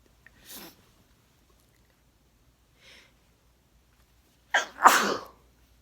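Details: Person with a sneezy cold: two faint breathy bursts, then a loud two-part sneeze with a sharp intake and a forceful burst; sneezing.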